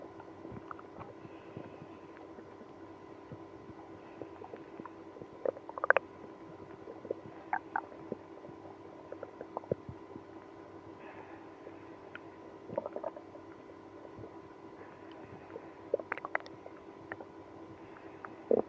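Quiet, scattered gurgles and clicks over a steady low hum; stomach growling in a person with irritable bowel syndrome.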